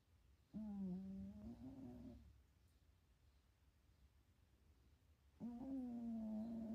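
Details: Sleeping cat napping and dreaming at home: long, tonal, humming snores on each breath with quiet pauses between; cat snoring.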